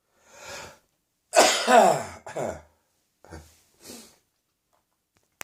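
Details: Morning cough with sore throat, the cough descending into the chest: about five quick harsh, forceful coughs with a breathy, wet edge; chesty cough.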